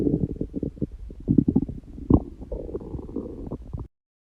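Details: Stomach growling in a person prone to very loud bowel sounds, not hungry and without stomach pain: low gurgling and bubbling rumbles with a longer growl near the end; ordinary borborygmi.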